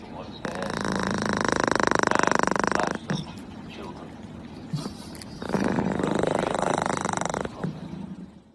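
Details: Sleeping cat snoring: two long, rattling snores fluttering rapidly through each breath, with quiet gaps between.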